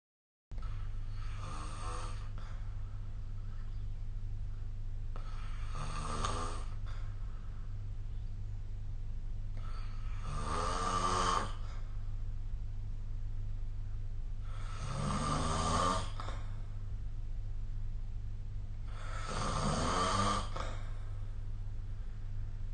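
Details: Five loud, rattling snores recur every four to five seconds over a steady low background hum, recorded with the SnoreLab snoring app.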